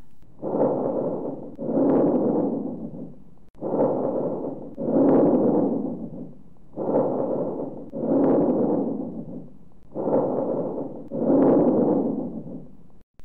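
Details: Teaching recording of bronchovesicular breath sounds on chest auscultation: four even breath cycles with inspiration and expiration of similar length and loudness.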